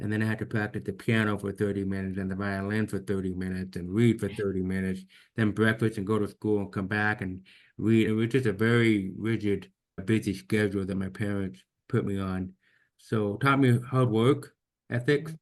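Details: Deaf speech in an adult man with severe to profound hearing loss since birth, diagnosed at age 2, orally trained with about 13 years of speech therapy; finding: deaf speech.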